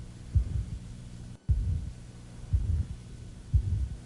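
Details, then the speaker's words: Aortic stenosis: high-frequency mid-systolic murmur with S1 and S2 audible on either side, radiating to the apex, bony prominences, shoulder, elbow and carotid; regular heartbeat about 60 a minute. "so a Artic valve stenosis high-frequency mid-systolic you can hear s1 and s2 on either side of the murmur radiation to the apex bony prominences and also the carotid"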